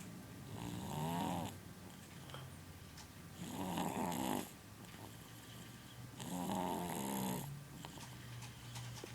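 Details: Dog snoring loudly in a steady rhythm, about 21 snores a minute, with quiet breaths between.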